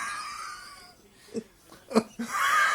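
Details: Adult man with a fit of hiccups that sound like he is about to be sick, later complaining of choking and his throat: three short, sharp gulping bursts in a noisy room; hiccups.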